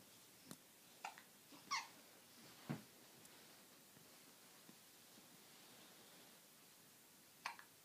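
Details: Baby with hiccups: soft, brief hiccup sounds recurring irregularly, about one a second at first, then a pause, in a quiet room; infant hiccups.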